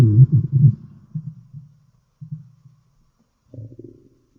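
Low gurgling rumbles in irregular bursts that fade and return; ordinary stomach growling from bowel activity.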